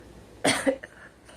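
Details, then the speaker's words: A girl, apparently while smoking, gives one short harsh cough burst followed by a smaller throat-clearing sound; a single isolated cough. "E [clears throat] just sitting here smoking and choking, I guess."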